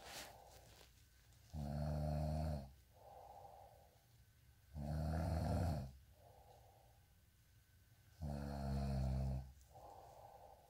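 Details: Loud, low rumbling snores on each in-breath, about 18 breaths a minute, with softer quiet out-breaths between: regular snoring.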